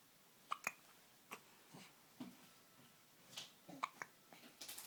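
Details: Repeated brief, sharp, quiet catches in a quiet room; hiccups.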